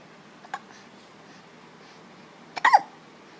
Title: Ow hiccups haha